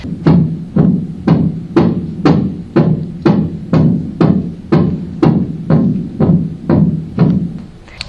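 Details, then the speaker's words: Systolic heart murmur in a dog with degenerative mitral valve disease; a loud grade 4–5/6 murmur can still be stage B1, mild disease. "going to be mild disease but a loud murmur doesn't necessarily mean the disease is severe so we can have a dog have a grade four or five out of six murmur and still be a stage b1"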